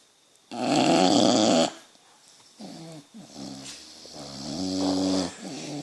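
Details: Sleeping boxer dog, owner wonders about sleep apnea: a loud, harsh snorting snore, then several softer, wavering whistling breaths, noisy snoring.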